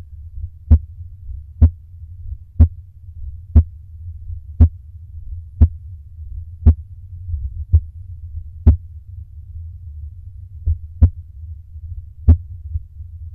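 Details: Slow, regular heartbeat near 55 a minute, gaps lengthening while the person does exhaled breath holds to slow the heart; a normal slowing.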